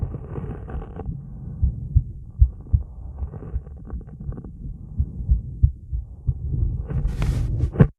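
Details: Female heartbeat recorded during a 30-second plank, recovery and breath-hold: rapid, low thumping with some rubbing and handling noise; normal heart sounds, fast rate after exertion.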